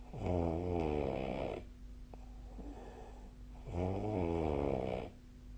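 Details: Snoring during sleep, recorded 2025/01/20 with the SnoreLab app: two long, loud rumbling snores with a buzzing, fluttering quality and quieter breathing between them.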